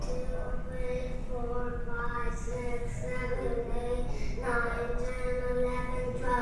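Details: Child first seen for hoarseness due to acid reflux, improved after dietary change cutting out sugar; improved hoarseness.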